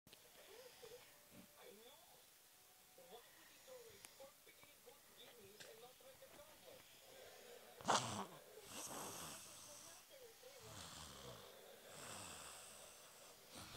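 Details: Sleeping girl snoring: a thin, whistling breath sound followed by a louder snorting breath.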